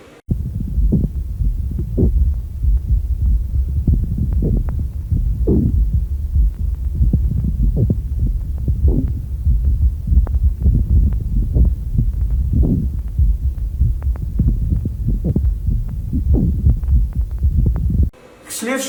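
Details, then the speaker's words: Lung auscultation teaching recording: loud, low, rough grating and creaking over the chest, repeating with breathing, a coarse pleural friction rub. "прослушивают грубый звук трения ощущаемый Даже при пальпации"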